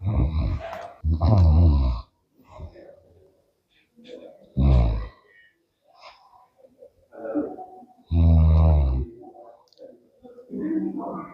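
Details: Snore-like noisy breathing while awake, shown as a clinical sign of CP: deep, throaty, vibrating sounds with grunts and quieter noises between them.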